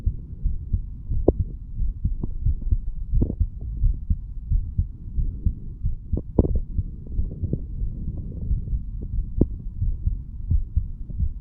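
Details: 35-year-old man recording his own heart while standing, listening over mitral, tricuspid, pulmonary and aortic areas and right ventricle; valves said to open and close nicely; normal heart sounds.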